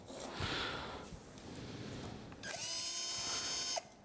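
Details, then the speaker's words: Surgical power driver run in reverse to remove pins after the femoral cutting block during a total knee replacement demonstration on a sawbones model. A high motor whine with a brief ratcheting sound. "هنفك المسمارين اللي احنا حطيناهم دول تماما، ودول برضو بيعملوا لي مكان البيجز بتاعت الديفينيتيف كومبوننت. ده معمول ريفرس كده، ريفرس اهو اوبن"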